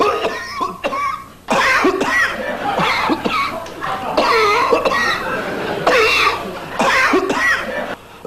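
Continuous bouts of loud, harsh coughing over a noisy background, with barely a pause between bursts.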